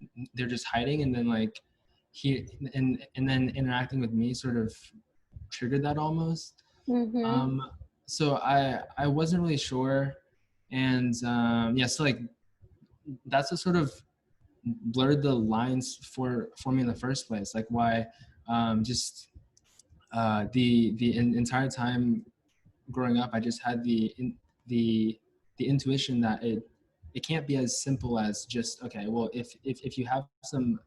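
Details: Male US-born university senior of Chinese family who has stuttered since about age five or six, with blocks and getting stuck on sounds; his biological father and maternal grandfather also stutter; stuttering.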